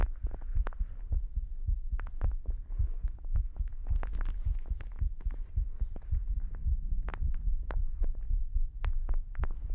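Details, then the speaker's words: Pre-recorded one-hour adult heartbeat played as overlapping layers for ASMR on a 3Dio binaural microphone: a steady low thumping, partly blurred, with scattered light clicks and taps in the background. "I did a oneh hour heartbeat recording before the stream, which allows me to have this over uh like overlapping audio for you."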